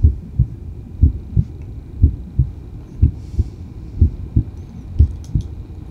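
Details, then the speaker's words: Steady lub-dub heartbeat at about 60 beats a minute with clear first and second heart sounds, produced by heart valves closing; normal heart sounds (S1 and S2). "so that's actually the sounds of the valves closing covered valves last week but yeah whenever these valves close that's actually the sounds you hear from a heartbeat"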